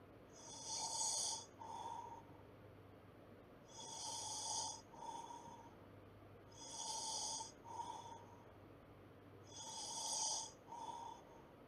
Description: Snoring sounds noise. For stress relief or reducing and sleep.